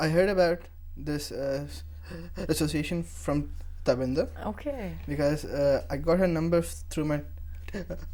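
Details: Stuttering (stammering) in a young male member of a stammering association, about one month in the association; he also reports dyslexia.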